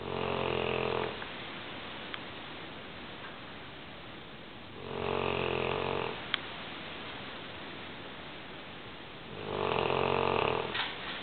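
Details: Large female English Mastiff snoring loudly while asleep: loud, rhythmic snores on the in-breath, about three in eleven seconds, quiet between, a slow sleeping breath rate near 16 a minute.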